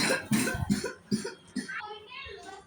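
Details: Cough.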